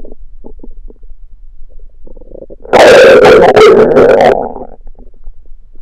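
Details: Person's own stomach growling at night after fasting: soft gurgles, then one loud, drawn-out, squeaky growl over a second; hunger-related borborygmi.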